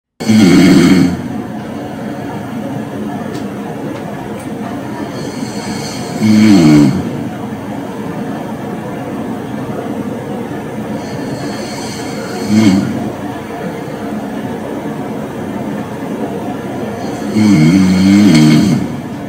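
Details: Sleeper recorded by a phone sleep-tracking app, typical snore segment before sleep apnea (hypopnea) episode: four rumbling snores at a steady pace, about eleven a minute, over constant room noise; ordinary snoring.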